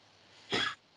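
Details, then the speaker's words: A single short, harsh cough-like burst from a sick dog that has a cough and a cruciate ligament tear, against quiet room noise. "der hat, wie man hört, einen Husten und einen Kreuzbandriss."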